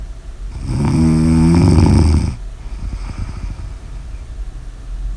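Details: Snoring: one loud, deep, rattling snore of about two seconds, followed by quieter noisy breathing.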